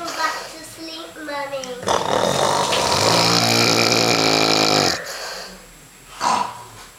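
A loud, rough, rattling snore on one long breath in, between quieter breaths; habitual snoring.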